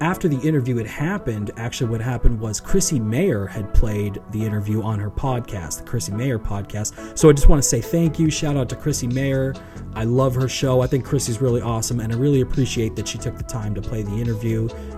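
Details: Adult male speaker; normal speech.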